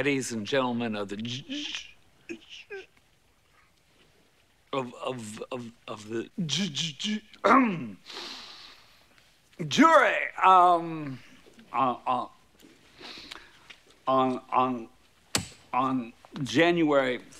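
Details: Severe stuttering portrayed by an actor in a 1992 comedy film, with heavy repetition on a word-initial sound.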